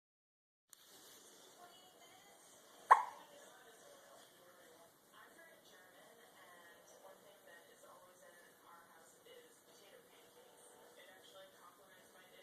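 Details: Infant hiccups: one sharp, sudden hiccup against faint room sounds and soft voices.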